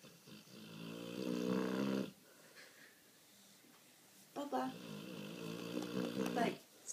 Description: Cooper in full snore mode